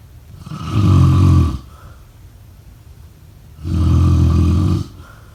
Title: #snoring #sleepnoises #snoringasmr #sleepsounds #snoringsleepingsoundeffect #snoringsounds